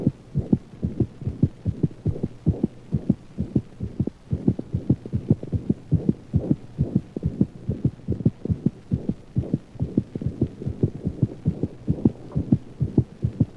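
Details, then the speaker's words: Anemic dog: rapid, regular heartbeat with a soft, higher-frequency early-to-mid systolic murmur between clear first and second sounds, loudest at the mitral position and rarely radiating. "the first and second heart sounds are clearly heard the anemic murmur is loudest at the mitral position and unlike that of mitral insufficiency rarely radiates to other portions of the thorax"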